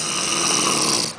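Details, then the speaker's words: An adult man snoring loudly during sleep, worse at night than recorded, though he denies snoring: snoring. "He says he doesn't snore. He snores."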